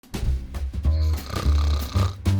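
Loud, deep, rattling snores repeat in quick succession over background music; typical heavy snoring.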